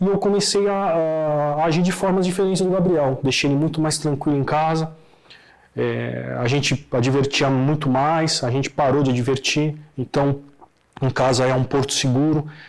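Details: Adult man speaking Portuguese; fluent speaker.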